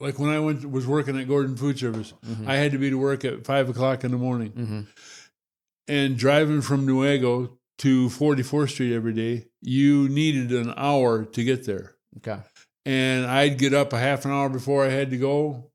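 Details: Adult man with Parkinson's disease, diagnosed about six years earlier; hypokinetic dysarthria.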